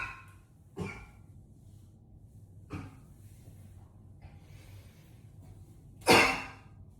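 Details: A few harsh coughs and breathy gasps echoing in a bathroom, ending in one loud, forceful cough; repeated heavy coughing.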